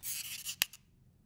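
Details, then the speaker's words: Ellipta dry powder inhaler for asthma, patient standing upright: brief rubbing, then one sharp click as the protective cap is pushed down until it clicks, readying the dose; correct technique demonstrated. "Assumete una postura eretta. Spingete verso il basso il cappuccio protettivo finché non sentite un"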